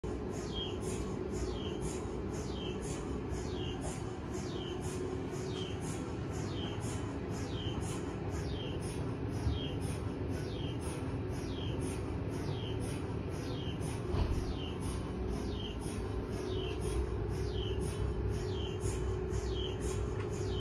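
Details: Steady rapid rhythmic knocking and buzzing over a low rumble from a Siemens Magnetom Espree 1.5T MRI scanner running a sequence.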